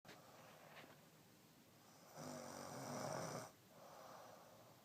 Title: My baby snoring her ass off